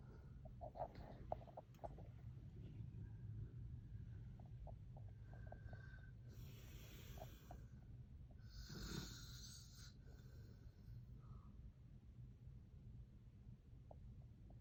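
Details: Adult man (father) snoring in sleep: steady low rattling snores with a few snorting breaths and some higher hissy noise; snoring.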